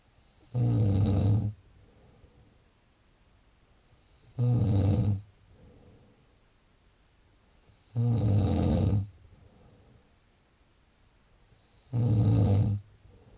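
Four loud, low, rattling snores on breathing in, about 16 a minute, with quiet gaps between them.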